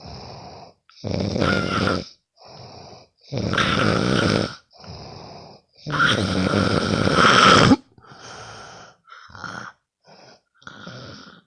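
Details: Loud, rough snores on each breath in with softer breaths out between, repeating steadily, recorded from a sleeping friend: ordinary snoring.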